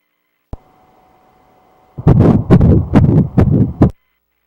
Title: 7weeks 2days of pregnancy ultrasound heart beat